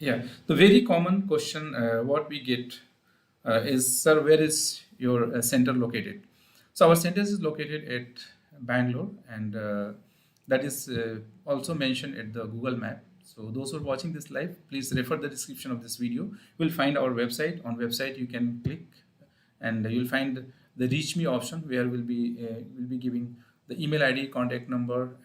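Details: Adult man speaking; Normal adult male speech.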